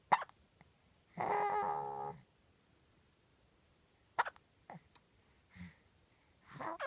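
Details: Hiccups at 4 months old, occurring daily and often several times a day: quiet, abrupt hiccup catches spaced several seconds apart, with a brief whine between them.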